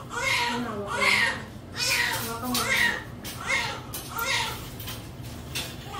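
Steady high-pitched rhythmic wailing of a newborn, about one cry a second, with room noise; a normal cry after birth.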